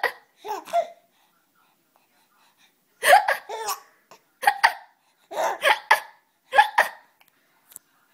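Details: A child has hiccups and finds them funny.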